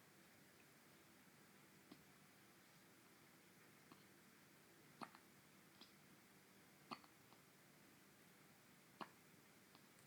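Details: Hiccups: faint, brief, sharp catches recurring irregularly, about five in ten seconds, against steady room noise.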